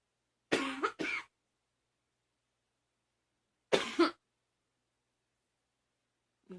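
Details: Girl coughing: two short coughs, a double cough and then a single one, separated by silence.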